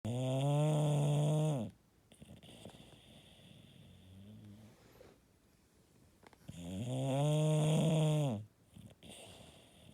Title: Snoring Bulldog